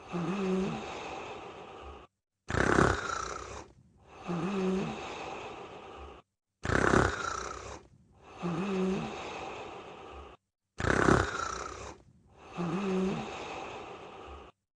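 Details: Mimi sleeping: short, repeated snoring breaths with a snorting catch, in a looped pattern with brief silent gaps; snoring.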